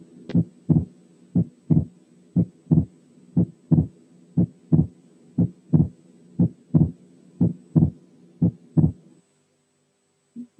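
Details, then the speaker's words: Wide fixed splitting of the second heart sound, equal in inspiration and expiration, as in atrial septal defect; breath sounds removed by filters; regular heartbeat near 60 per minute. "في احوال تانية بنسمع الوايد سبيتنج بنفس المقدار سواء في الانسبيريشن او في الاكسبيريشن، يعني فيكسد سبيتنج زي المثال اللي جاي، برضو شايلين التنفس عن طريق فلترز."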